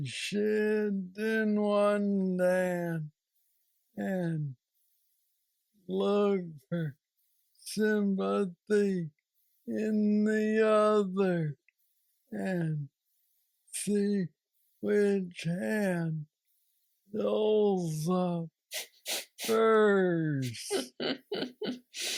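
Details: Man aged 46 with aggressive Parkinson's disease diagnosed at age 35, treated with a deep brain stimulator implant after two years; real patient with Parkinsonian speech (hypokinetic dysarthria).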